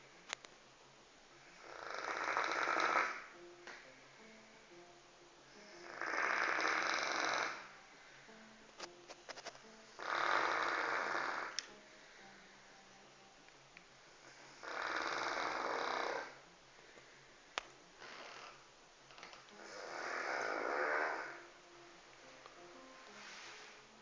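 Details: Felix, a 1-year-old rescued dog, snoring steadily in his sleep with about 14 rough, hissy breaths a minute.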